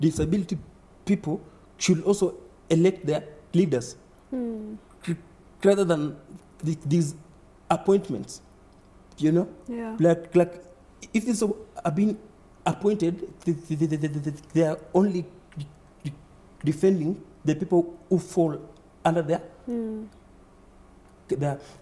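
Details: Adult man who stammers; stuttering.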